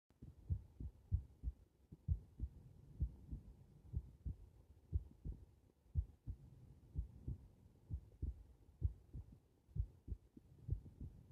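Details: Normal heart sounds recorded with the subject lying supine: steady, low, regular thumps at about 63 beats per minute.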